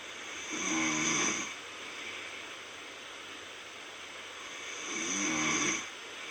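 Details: Self-recorded snoring during sleep: two rasping, fluttering snores on inhalation about four seconds apart, roughly 14 breaths a minute, with quiet breathing between.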